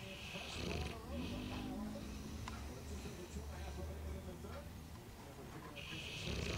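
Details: 2-year-old Bullmastiff napping after a large Christmas turkey meal: low, rumbling, rattling snore with steady low buzzing through the breaths.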